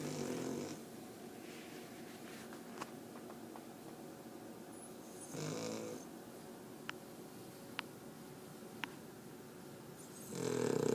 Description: We are taking care of our neighbors dog with only one problem..She snores sooooo LOUDLY. But we love her.